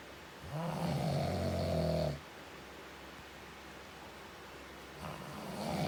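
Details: Adult man (a father) snoring: a long, low, rumbling snore on the in-breath, then a quiet pause before the next one begins.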